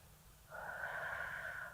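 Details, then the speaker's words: Metered-dose inhaler held upright and pressed on top during an inhalation therapy demonstration: soft hissing spray puff lasting over a second in a quiet room. "Ee caranya harus dia tegak lurus ya Jadi kita kamu harus tegak lurus l ya Nah seperti ini lalu habis itu tekan atasnya nah dia akan keluar seperti ini nafas"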